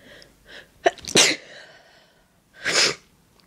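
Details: Person announces "I want to sneeze", with deliberately breathy build-ups on request; quick breaths build up, then a sharp explosive sneeze and a second sneeze a moment later; sneezing.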